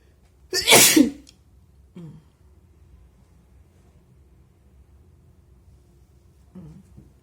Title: very wet sneezes + nose blowing on kleenex